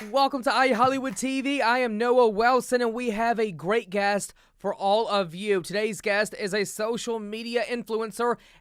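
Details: Adult host; Ordinary speech.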